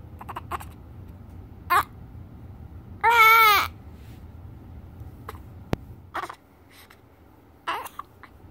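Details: 9-day-old infant with hiccups and crying: short, sharp hiccup sounds at intervals, with a brief burst of crying between them.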